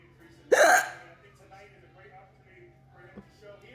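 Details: A single sudden, sharp voiced catch of breath over quiet background noise: one hiccup.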